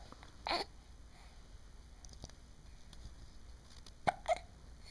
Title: Serious Hiccups